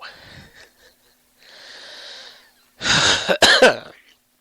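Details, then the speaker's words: Podcast host apologises for his breathing while talking: noisy, whistling wheezy breaths followed by a couple of harsh coughs. "Sorry, I'm breathing like this."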